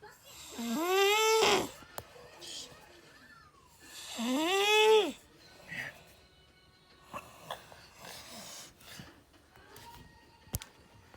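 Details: Snoring: two loud, drawn-out snores with a groaning, voiced rattle about three seconds apart, then quieter breathing and small room noises.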